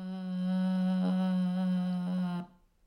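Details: Adult sustained vowel; Subharmonics (rough voice).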